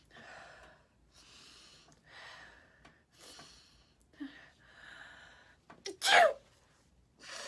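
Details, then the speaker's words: Woman sick with a cold after being caught in a cold storm, coughing and sneezing, nose badly congested, ears popping with each sneeze: several quick nasal in-breaths build to one loud, explosive, congested sneeze. "how much I'm sneezing and blowing my nose like every time I sneeze my ears pop that's how sick I am right now"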